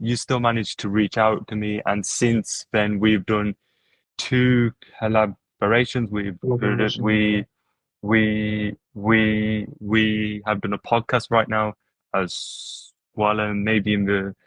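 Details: Adult podcast host who stutters, with word repetitions; stuttering.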